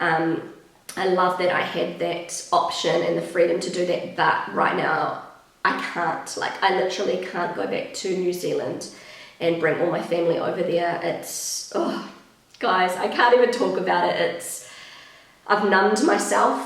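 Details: Pregnant woman with a habitually croaky, crackly voice that she says worsens markedly during pregnancy, attributing it to the pregnancy; also slightly out of breath; vocal fry (creaky voice).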